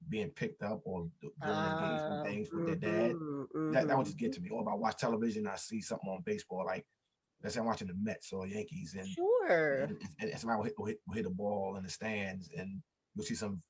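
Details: Stuttering in an adult man, an author and motivational speaker, who says he stutters and that others can hear it.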